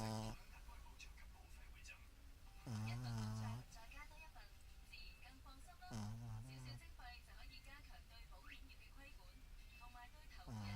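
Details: Buzzing, low snores about every 3 seconds, roughly 20 a minute, with a television or voices in the background. Snoring.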